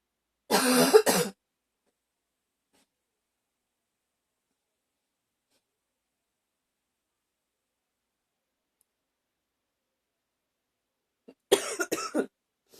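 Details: A person who was a little rough having a coughing fit: two bursts of rapid, harsh coughs separated by a long silence.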